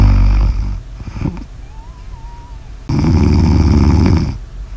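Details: Loud, low, fluttering snores with quieter pauses between them; ordinary snoring.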